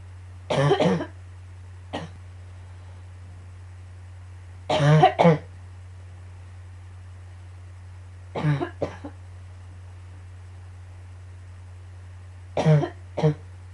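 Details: A recurring, annoying coughing fit: four bouts of coughing, each a quick pair of harsh coughs, over a steady low room hum.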